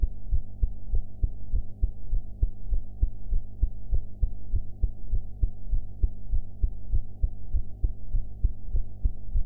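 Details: Own heart sounds recorded after eating: regular low heartbeats at about 100 a minute over a steady low hum, slightly fast; sound quality enhanced.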